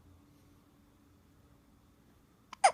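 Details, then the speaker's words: A baby boy who had been fussy earlier, in a quiet room, gives a short, sharp catch of breath near the end: a hiccup. "And then the hiccups came."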